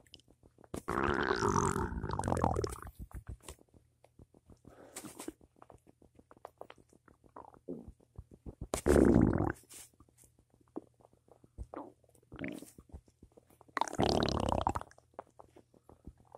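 Low gurgling, bubbling rumbles in several long bouts with quieter gurgles between; ordinary stomach rumbling.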